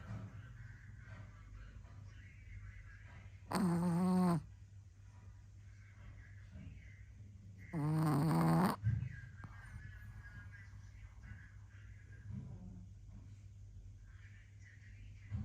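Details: Female snorer: two short, rumbling snores against a steady low room hum, from a sleeping animal. Snoring.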